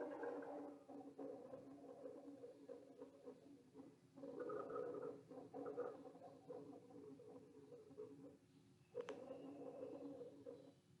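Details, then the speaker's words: Coarse, low-pitched, snoring-like rumbling breath sounds: rhonchi, attributed to fluid or mucus in the large airways causing turbulence. "Rhonchi can occur in such cases like bronchitis, pneumonia and chronic obstructive pulmonary disease."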